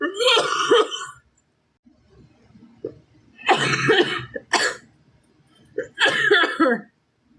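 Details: An adult woman who is sick gives about four harsh, throaty coughs with short pauses between them; cough.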